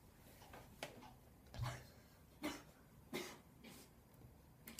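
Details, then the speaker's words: Cough from someone off-camera nearby, heard in the background of a makeup tutorial: about four or five short, muffled, distant bursts over quiet room noise. "Là, ça tousse, hein, vous entendez que ça tousse à côté. Vas-y, vas-y, bah tousse, hein, tant que tu y es."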